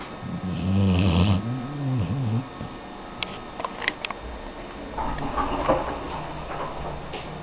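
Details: A dog snoring: one loud, rumbling, voiced snore, then quieter snuffling breaths with small clicks and room noise.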